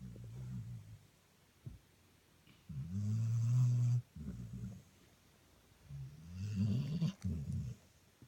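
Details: Deep, low, rattling snores on the in-breath, about three within eight seconds, with quiet pauses between them; ordinary snoring.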